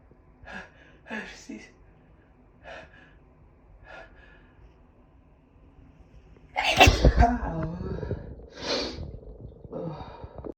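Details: A female sneezing repeatedly in a quiet room: several short soft breaths build up, then one forceful explosive sneeze followed by a second smaller burst.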